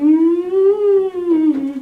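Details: Male singing teacher, sick with the flu, quietly demonstrating the healthy singing voice in a warm-up scale, as opposed to a voice developing laryngitis; he says illness limits how far his voice can go.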